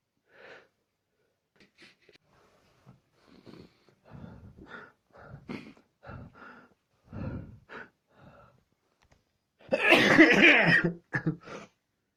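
Soft breathy sounds and small catches, then one loud explosive burst near the end with a short tail: a sneeze.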